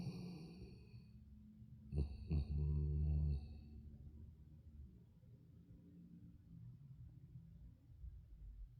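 A deep, loud snoring rumble from a sleeping large dog, then softer breathing noise.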